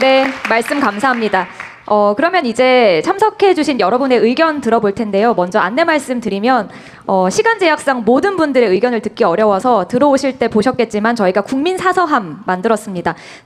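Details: Adult woman speaking Korean; normal voice.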